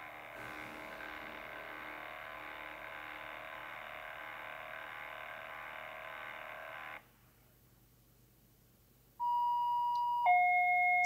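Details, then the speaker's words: Steady hum stops, then loud electronic alarm tones begin: a Medfusion 4000 syringe pump's high-priority alarm, blinking red, signalling an intermittent ampicillin infusion has finished, in a training demonstration. "you get the alarm which is a high priority because it's blinking red so you go go over here and press your silence key"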